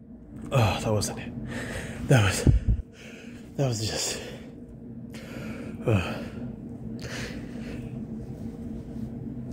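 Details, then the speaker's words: Several voiced gasping build-ups and explosive, some stifled, sneezes over steady room rumble, from a man with a sniffly, tickling nose after going out in the rain, who was trying to bring the sneezes on. "I'm sorry I just I just had to there's way too much tickling my nose"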